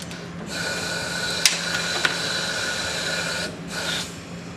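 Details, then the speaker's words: Steady hiss of gas flow with clicks as a mechanical ventilator delivers a pressure-controlled breath to a test lung through a much smaller, high-resistance endotracheal tube, taking much longer to reach pressure equilibrium; time-constant demonstration. "so now we have the much smaller endotracheal tube in place and let's see what happens you'll notice that it takes a dramatically longer time for this long with the increased resistance to achieve equilibrium"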